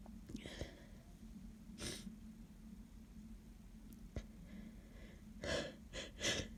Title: Snotty cold sneezes